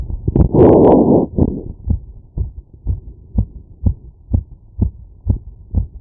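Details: Heart sounds through a stethoscope after physical workload: rapid, regular heartbeat, about 125 beats a minute; an expected fast heartbeat after exertion.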